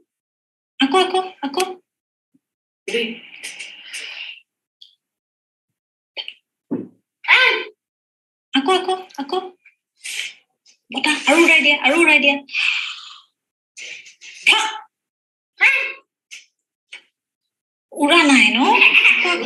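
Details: Impaired voluntary blowing on command, without apraxia, from an oral-motor programming difficulty due to disuse, in a 5.5-year-old boy given a cochlear implant at age 4.5.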